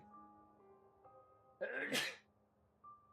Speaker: sorry about the sneezes again. I have no easy way of muting the microphone, so you just get to hear the whole sneeze.